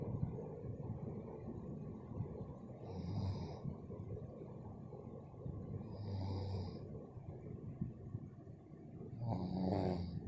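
Low, rough snoring with each breath, about 18 breaths a minute, with a soft hiss on the breath in and steady room noise.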